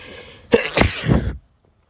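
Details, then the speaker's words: Sneeze during severe pollen allergies: sharp breath in, forceful explosive release trailing off; allergic rhinitis sneeze. "If you couldn't tell, my allergies are [ __ ] insane right now."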